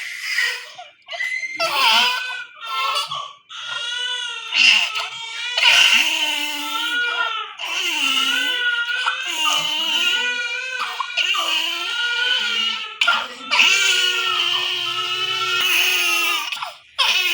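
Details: Newborn in NICU crying during nasogastric tube insertion and stomach lavage for aspiration: loud, high-pitched, strained sustained wails with brief catches of breath, showing distress.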